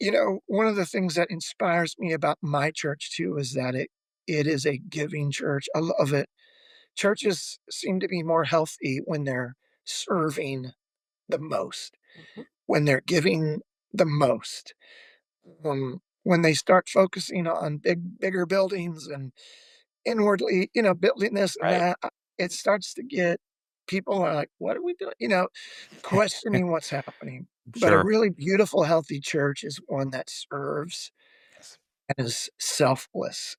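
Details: Adult male former professional lead singer with spasmodic dysphonia, onset of voice loss at the height of his career, which ended his music career; says it is audible in his voice; speaks quietly with a microphone.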